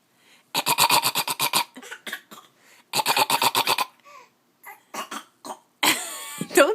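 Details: A child fake coughing, copying someone, in two fast trains of short, voiced, forced bursts; a playful imitation, not illness.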